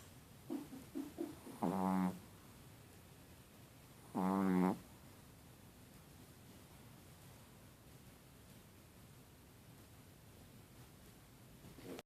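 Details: Chihuahua dog snoring: two short, buzzy snoring snorts on breathing in, separated by quiet breathing.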